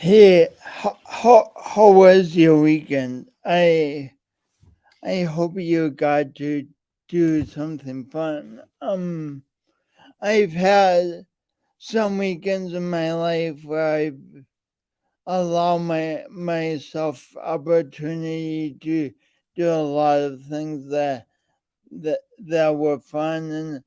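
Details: Man with a speech impediment present since birth, along with coordination issues; speech impediment (disfluent speech).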